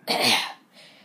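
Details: Single short, harsh cough burst from a 12-year-old boy who is very sick with a bad cold, needing a breathing machine and lots of medicine; cough.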